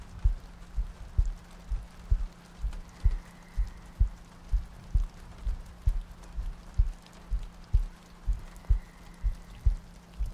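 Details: ASMR sleep-aid loop, likely simulated: steady soft low heartbeat thumps at about 63 per minute under a rain-like hiss, meant to sound like lying next to a partner; regular heartbeat.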